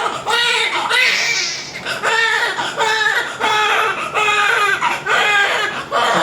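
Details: Newborn baby girl crying just after normal vaginal delivery: strong, repeated wails in steady rhythm with brief breaths between; vigorous cry at birth.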